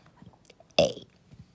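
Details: One short, abrupt, deliberate voiced burp over quiet room noise, from a boy practicing burping the ABCs.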